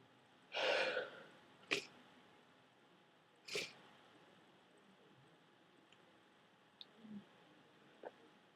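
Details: Person with a head cold and thick, dripping mucus, after holding off blowing their nose: one wet, forceful sneeze, then a few short sniffs and nasal clicks in a quiet room.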